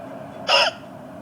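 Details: A single short, sharp voiced hiccup over quiet room noise, from an intoxicated woman with persistent hiccups who has already tried holding her breath: hiccup.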